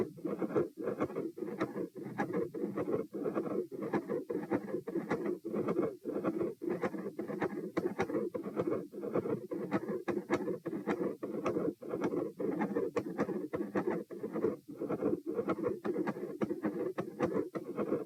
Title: Heart Sounds - Gradually Appearing Continuous Machinery Murmur, Some Electrical Disturbance